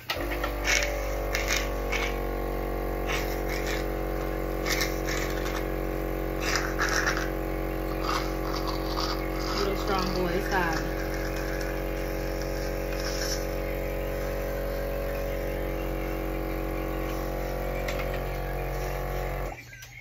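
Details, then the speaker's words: Child with a tracheostomy (former preemie, nonverbal) being suctioned by parent during weekly trach change: steady suction machine drone with intermittent crackly, gurgling bursts of secretions. "And he sounds like he needs to be suctioned again. So Dylan, hold the trach so I can suction him."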